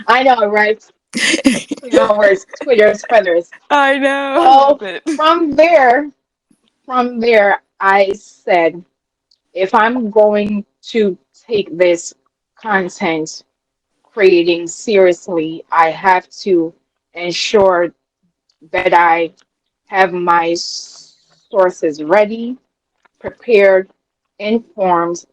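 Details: Adult woman with a self-reported speech impediment she calls a "quote unquote disability" and says listeners can hear; disfluent speech; speech impediment.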